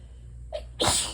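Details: Allergic sneezing fit after sitting by an open window, with stuffy nose, while trying to hold back and stifle sneezes: a brief catch of breath, then a single forceful sneeze over low room hum.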